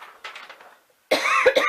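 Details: Adult with an allergy attack, sick all weekend after exposure to strong perfume: a quiet brief cough, a pause, then a forceful throaty cough burst; irritated-throat coughing.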